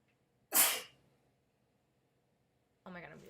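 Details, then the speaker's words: Single sharp explosive sneeze, then a brief spoken word, during a bout of frequent sneezing that the person thinks may be a cold, though allergy was suggested and the cause is unknown; ordinary sneeze. "What's wrong with me? Why am I sneezing so much?"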